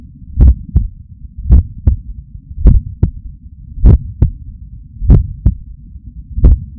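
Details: Adult's own heart sounds, recorded with a Stemoscope stuck to the chest under the shirt after waking up stressed: steady lub-dub, clear paired beats at about 50 a minute over a low hum: normal heart sounds.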